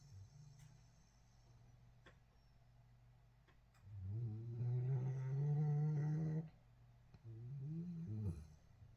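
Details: Snoring during sleep: quiet low rumbling breathing, then two louder low, droning snores on the in-breath, with a few faint clicks in a quiet room.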